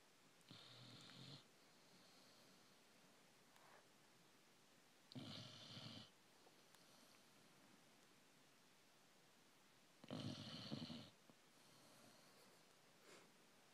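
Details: 5-month-old Greater Swiss Mountain Dog asleep on a bed: three loud rasping snores about five seconds apart, roughly 12 breaths a minute, with quiet room noise between; ordinary snoring in a sleeping dog.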